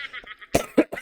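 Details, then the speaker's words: Three short harsh cough bursts from an adult speaker with a lingering, not-yet-healed cough, who is drinking ginger for it; an ordinary cough. "Pasensya na ako kayo sa ubo ko, hindi pa rin gumagaling. May luya na nga ako dito."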